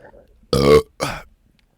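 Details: ASMR burping recording in a closet: two loud, deep, voiced burps in quick succession in a quiet room; ordinary belching.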